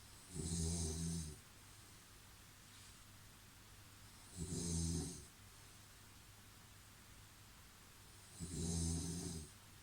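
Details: Regular snoring: loud, low, rattling snores with each breath, about 15 a minute, with quiet pauses between.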